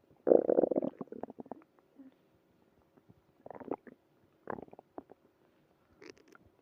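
Bursts of gurgling and squeaky rumbling separated by quiet gaps, ordinary stomach growling.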